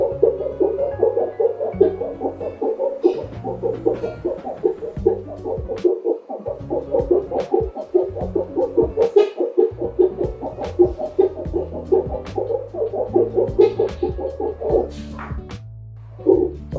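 Rapid, regular pulsing Doppler beats near 146 a minute from a simulated fetal monitor, with music underneath.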